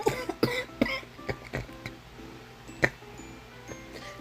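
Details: An adult who is sick gives a run of about five or six short, dry coughs and throat clears over quiet mobile game music.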